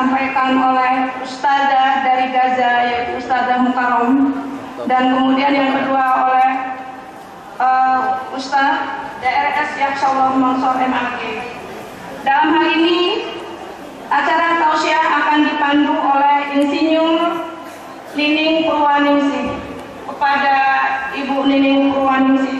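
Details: Adult announcer speaking over a public address system; normal voice.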